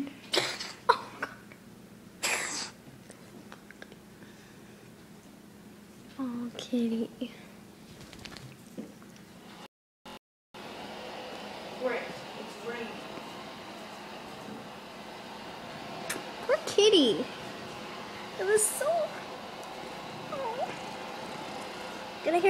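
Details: A female cat makes short, harsh hacking coughs and retching sounds while bringing up a hairball; she purrs afterward.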